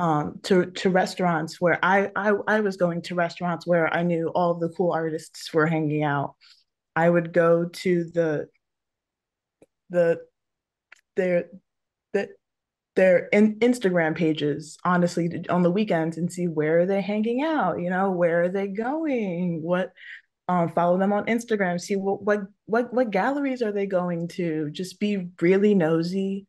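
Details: Adult woman who stutters, speaking with repetitions of words and phrases; stuttering.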